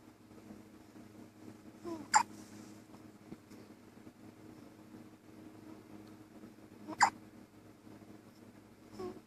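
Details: Newborn baby just days old hiccuping: two brief sharp hiccups about five seconds apart over quiet room hum.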